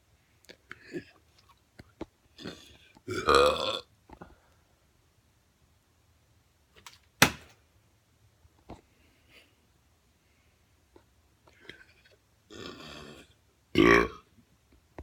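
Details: Person burping during water bottle flips: several loud, drawn-out belches with quiet gaps and small handling noises between them.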